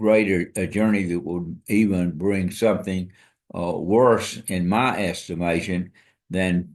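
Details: Dysarthria in an adult man with ALS (amyotrophic lateral sclerosis), diagnosed February 2024 after earlier diagnoses of Parkinsonism, Parkinson's disease, spastic paraplegia and primary lateral sclerosis; he reports his ability to walk and speak is failing.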